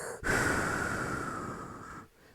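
One loud, steady airy breath imitated close to the microphone, showing clear normal breath sounds on the unaffected side.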